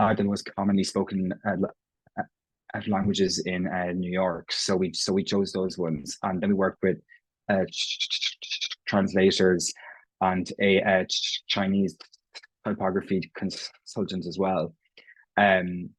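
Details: Irish adult man who has stammered since he can remember, self-identifying prolongations, repetitions and blocks; real, not acted: stuttering.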